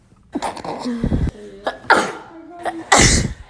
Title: My sneezes u guys